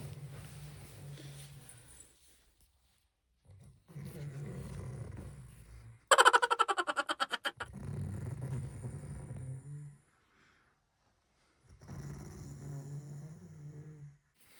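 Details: Father snoring at night, keeping the family awake: deep, rumbling snores roughly every four seconds, one with a fluttering, vibrating burst; loud snoring during sleep.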